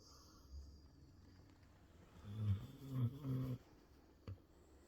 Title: Jasper sleeping and snoring